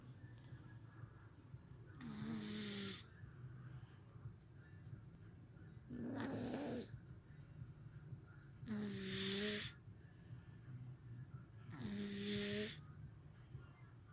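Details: Sleeping one-year-old boy snoring, co-sleeping with parents: four rough, buzzing snores on the in-breath, about one every three to four seconds, in a quiet room.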